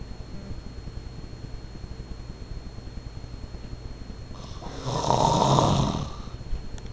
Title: Dad snore...